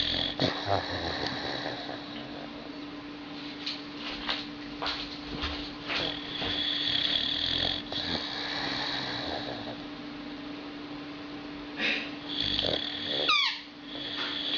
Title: Пёс спит и храпит!!! Прикол!/The dog is asleep and snoring!